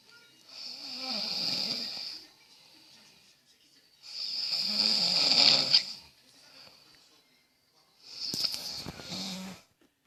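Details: Man snoring while asleep: three harsh, hissing, rasping snores about every four seconds, roughly 15 breaths a minute, with quiet pauses between.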